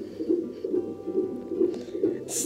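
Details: Rhythmic whooshing pulses at about 135 beats a minute, fetal heartbeat picked up by Doppler at a 30-week pregnancy doctor's appointment; fetal heartbeat on Doppler.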